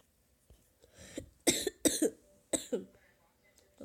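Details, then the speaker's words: Several short, harsh cough bursts in a quiet room, some in quick pairs, from a speaker who says they are sick and have been ill over winter break; cough. "oh sorry guys just kinda have a bad day here yeah I'm kind of sick so we'll be coughing a little bit in this video"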